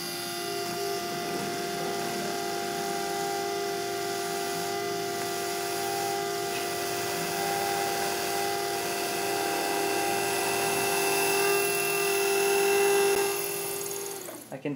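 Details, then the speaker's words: Dental implant pilot drill for a 3.75 mm by 13 mm MIS C1 implant, using a 13 mm length drill as a built-in stopper against over-drilling: continuous high-pitched motor whine running steadily, then stopping. "next up is the pilot drill as i mentioned we're drilling to 13 millimeter depth so i would use our 13 millimeter length drill as a built-in stopper to prevent me from over drilling"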